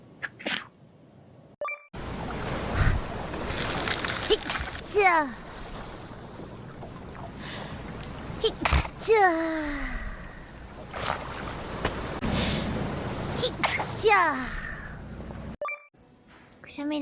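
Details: Compilation of sneezes from several different VTuber livestreamers: separate sharp bursts, often with a rising voiced cry, with brief talk and room noise between them; sneezing.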